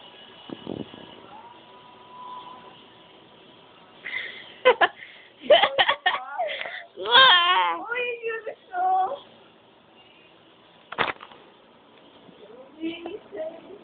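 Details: Infant, in a clip about her hiccups: intermittent whimpers and short fussy cries with quiet pauses between them.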